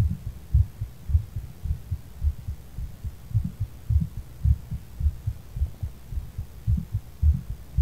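Deep, regular heart thumps at about 110 beats a minute, a fast rate after cannabis use, with a low hum behind.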